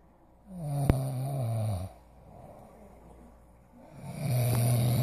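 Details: A father (adult man) snoring like a tiger: loud, deep rumbling snores on each breath with quiet pauses between. Heavy snoring.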